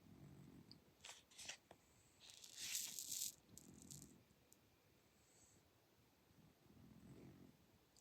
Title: Ever hear a cat snore before?